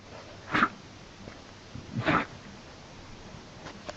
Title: Animals Sneezing Compilation 2013 NEW HD]